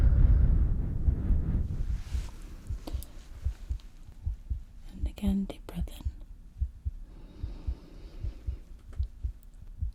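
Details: Simulated ASMR roleplay hospital exam, stethoscope on chest while the patient takes deep breaths: steady soft low thumps about 80 a minute with breath noise and a brief rustle; normal heartbeat.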